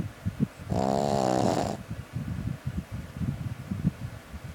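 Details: Pet puppy snoring: one loud, buzzing, voiced snore lasting about a second, followed by quieter snuffling breaths in a small room.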